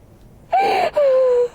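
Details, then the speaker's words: A woman during a fascia healing and chiropractic session gives two loud, drawn-out, high-pitched voiced cries, a rising-falling wail then a steady falling moan, as she is encouraged to let it out; vocal release during treatment. "Good job. Good release. Good job. There you go. Let it out. You're doing a beautiful job."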